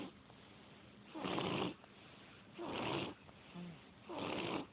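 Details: Person sleeping and snoring loudly, likened to a bear: three rough, rasping snores in quick succession, about 40 breaths a minute, with soft snuffling between; ordinary snoring.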